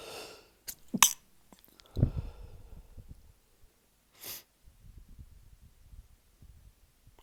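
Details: Early-morning sneezing fit from a tickle, stifled to avoid waking a sleeping partner: several sharp, partly stifled sneezes in quick succession with quiet breathing between, in a quiet room.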